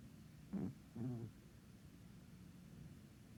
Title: Loud cat SNORING 😹